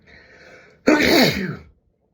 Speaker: Achoo! I gotta sneeze. I got achoo! I have to sneeze.